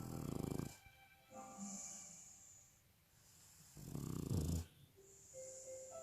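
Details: Two low, rattling snores from an 8-month-old male French bulldog puppy weighing 20.13 kg, sleeping, with faint music in the background; ordinary snoring.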